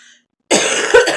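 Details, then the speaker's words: Single loud, wet, rattling productive chest cough like a smoker's cough, in an adult bringing up chest mucus while unwell, with a headache for about two weeks and a hoarse voice. "But I've had mucus up from the chest, which is terrible. So that kind of like, you hear it? Oh my God. Like a smoker's cough."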